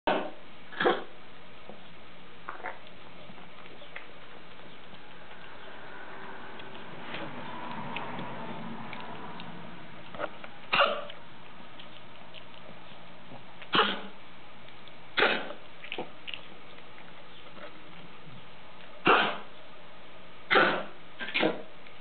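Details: Maltese dog suspected of collapsing trachea, but its trachea was found fine: brief, sharp coughing bursts at irregular intervals, just a cough.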